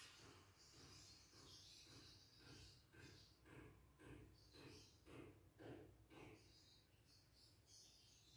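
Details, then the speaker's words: Adult male, stethoscope at the 4th–5th intercostal space, parasternal: muffled, regular heartbeat about 110 a minute with rubbing noise; normal S1 and S2, normal rate, regular rhythm, no murmur; basic cardiac examination. "baik dari suaranya sendiri untuk suara detak jantung mata itu sendiri normal hantu frekuensinya itu normal untuk dan iramanya juga teratur Pak"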